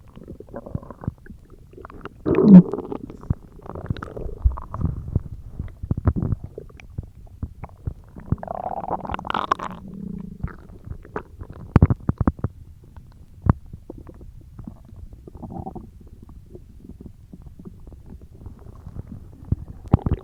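Low rumbling and gurgling stomach sounds with scattered clicks, typical ordinary stomach growling.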